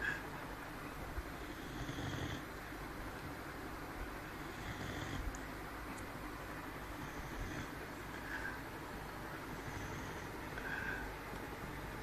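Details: Low, rumbling, rhythmic breathing with soft repeated hisses about every two and a half seconds from a sleeping pet named Bruce; snoring.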